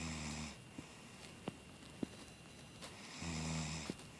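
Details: A female hunter snoring asleep in a deer stand at 27 degrees, before getting her deer: two low, buzzing snores with a quiet pause between them, plus a few faint clicks. Ordinary snoring.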